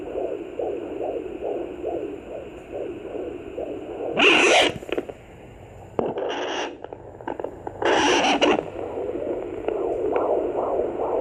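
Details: Fetal heartbeat at 20 weeks of pregnancy on a Sonoline B fetal Doppler: rapid, regular whooshing at about 140–150 a minute, broken by loud bursts of fetal movement.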